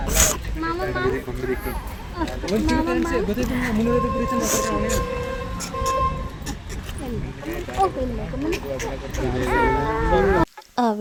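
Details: Baby son crying in pain during his first ear piercing at a clinic: loud, sustained, rising and falling infant wails with adult voices and a steady tone behind.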